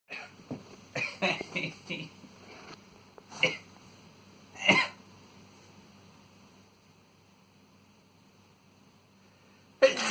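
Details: Man's repeated sneezes induced with chhinkni powder and tissue: several short explosive bursts with sniffs and catches of breath, then a final burst.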